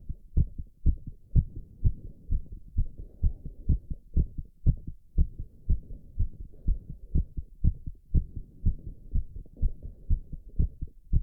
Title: Male's VERY Fast Heartbeat While doing squats (Heavy Breathing + Recovery)